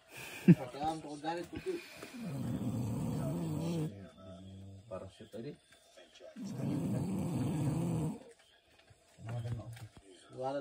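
Repeated low, rumbling snores with grunting sounds between breaths, from a sleeping dog.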